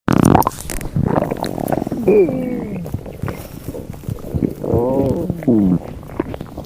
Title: VERY FUNNY Stomach Noises (For @StingyNewBrunswickHPT)